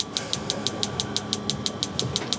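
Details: Focused shockwave therapy on an adult man's knee for chronic patellar tendinopathy, tissue pushed aside at the target zone; steady sharp clicking pulses, about six per second, over a low hum.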